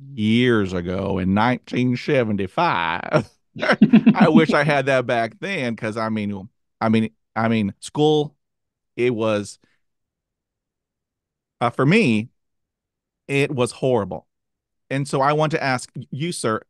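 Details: Adult who stutters, hosting a podcast; stuttering.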